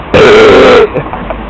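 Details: A deliberate street burp: one loud, drawn-out voiced belch of under a second, then street noise and nearby Spanish talk.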